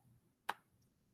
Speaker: goodness sorry i just had to sneeze that was that was you yeah i sneezed